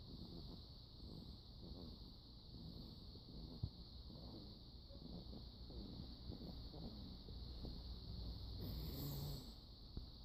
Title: She snores